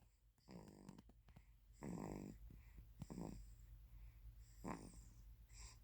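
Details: 3-month-old infant snoring softly on each breath while asleep, a rhythmic buzzing rattle in a quiet room; infant snoring.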